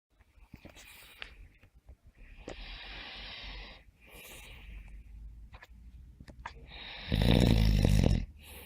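Noisy sleep breathing ending in a loud, deep, rattling snore. Ordinary snoring.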